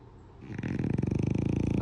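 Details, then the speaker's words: French bulldog puppy asleep on a pillow in the early morning: loud snoring heard through the flat; snoring. "Я спала рядом с ним, он вот так вот мне храпит на ухо. С утра пораньше."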